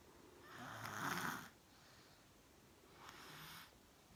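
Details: Two loud, rough snores on in-breaths, separated by a quiet out-breath; snoring.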